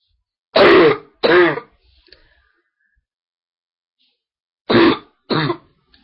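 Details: Person with a really bad throat and stuffed nose, recorded on a webcam: four loud, harsh, barking coughs in two quick pairs separated by a silent pause.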